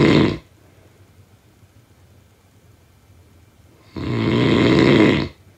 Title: Snoring sound effect